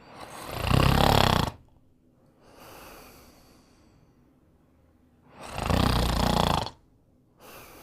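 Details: Snoring during sleep: loud, rough snores on each breath in, with quieter breaths out between them, about 15 breaths a minute.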